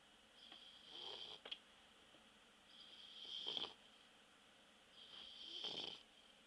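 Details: Bulldog asleep after a walk snoring: three slow, soft snoring breaths with a high whistling tone, about 27 a minute, in a quiet room.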